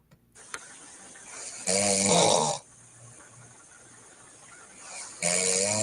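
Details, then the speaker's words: A sleeping woman, probably recorded by her boyfriend or husband: loud, rattling snores on breathing in, with quieter breathing between them over steady room hiss; heavy snoring. "oh no she's lightweight but she's snoring but let's listen to this one okay she kind of she's on this is sounding like me more now"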